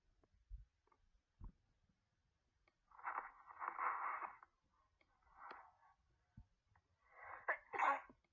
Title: Me sneezing because of pollen